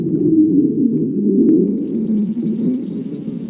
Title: stomach growling